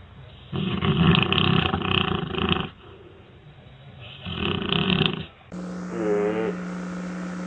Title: Sleeping Dogs snoring and makes funny sounds!